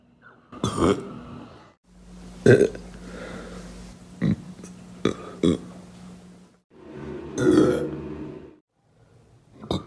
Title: boy burps!!! pt4~